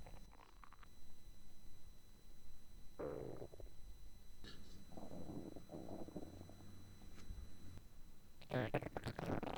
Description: I recorded the hunger sound of my stomach for the first time in a long time!